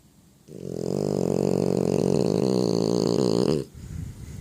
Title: Snoring like a freight train